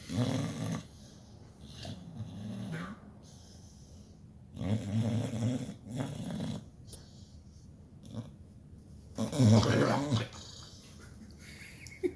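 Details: Sleeping Pitbull, dreaming: loud, rough snoring breaths at irregular intervals, about 13 a minute, with soft sleep noises between; snoring.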